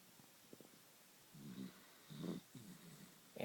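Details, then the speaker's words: Sleeping Dachshund snoring the day after eating two cupcakes: soft, low rumbling snores in a quiet room, a few breaths during sleep. "luckily she seems to be sleeping soundly we didn't have to take her to the bed so there's there's nora snoring away"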